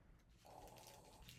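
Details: Quiet steady hiss from suction unit switched on and tested before tracheostomy suctioning in a nursing OSCE simulation; patient's oxygen saturation had improved to 98%.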